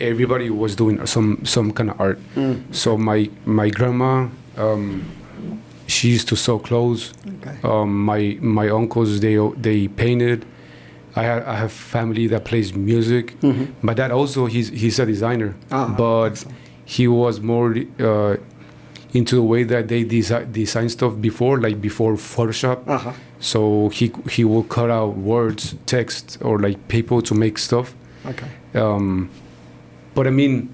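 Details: Stuttering in a man in his 40s, born in Mexico and living in Texas, first noticed around age five or six; his father also stutters and he believes it runs in the family.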